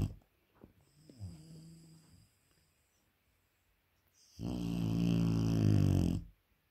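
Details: Dogue de Bordeaux (French mastiff) puppy snoring loudly while asleep: a faint snort, then a long, loud, rattling snore of about two seconds in a quiet room.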